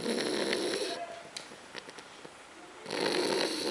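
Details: French bulldog: loud, rough, fluttering snore on two drawn-in breaths, with a quieter snuffling pause between; snoring.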